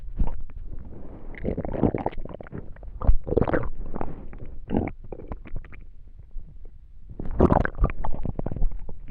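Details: Low gurgling and rumbling stomach noises of digestion: normal bowel sounds (borborygmi).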